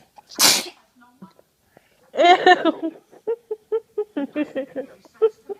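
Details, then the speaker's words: A baby girl gives one sharp, hissing sneeze, then an adult's voice and her soft babbling follow; an ordinary infant sneeze. "Oh, you got sneeze. Ooh. Oh, snot. Oh. Oh, don't sneeze on her."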